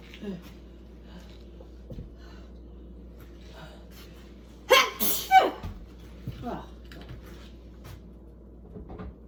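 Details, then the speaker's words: Allergic sneezing set off by kitchen cleaning products such as soap and bleach: a loud double sneeze over quiet room hum, followed by a few soft breaths. "These cleaning products make me sneeze. It's so annoying."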